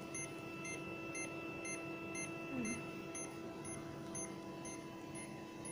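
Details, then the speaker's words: Syringe pump set at rate 10, purge button pressed to give a bolus of rapid flow: steady electronic beeps about twice per second. Syringe pump bolus beeping. "ketemu ini ada tombol putus ya putus ini untuk bolus atau cairan cepat namun ketika kita pencet ini makhluk it dia akan cepat mengalir"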